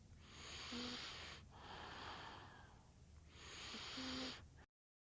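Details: Light snoring during infant sleep: soft sleeping breaths with faint whistling, snuffly noise on the in-breaths, from a baby sleeping sound-effect recording.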